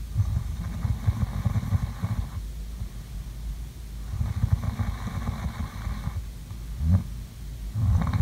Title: ASMR| COME SLEEP WITH ME| SLEEPING SOUNDS| SNORING